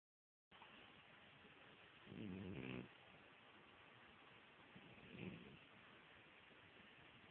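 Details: Sleeping: two soft, low rattling snores about three seconds apart over steady hiss; snoring.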